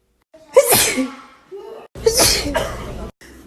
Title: TikTok Sneezing Compilation | Sneeze Tube